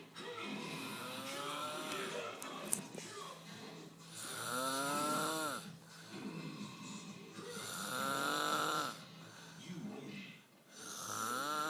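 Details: Loud, rough snoring, rising-and-falling snores repeating about every three to four seconds over steady room noise; one of the loudest snores heard.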